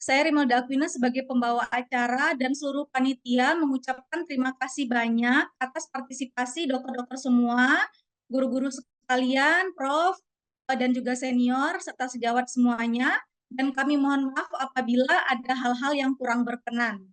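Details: Adult woman; ordinary speech.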